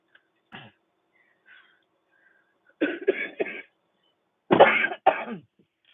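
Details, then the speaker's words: Older adult woman with chronic lung conditions coughs in two clusters of harsh bursts, saying she sounds like old coal shovelers with coal on their lungs: chronic cough. "used to have cold where people used to go shuck coal and they had that cold on their lungs. So that's how I sound."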